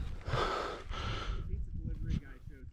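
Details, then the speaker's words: Unacclimatised lowlander adult non-smoker at maximum course elevation, a little over a mile high, during run-and-gun biathlon stage: loud, rough, rapid breaths in and out, described as wheezing of unacclimated lungs; heavy exertional breathing. "I am a lowlander, and this is at the maximum elevation for the entire course, which is a little over a mile high, and I was definitely feeling it. Kind of hear this in my breathing."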